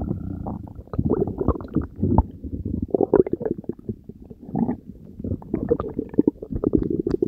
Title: Stomach vs. Diet Coke and Mentos (Belly Gurgles ASMR)